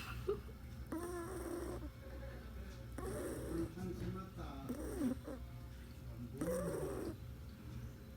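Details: Sleeping pet cat snoring: soft, rhythmic, rumbling snores with household noise and faint talk in the background.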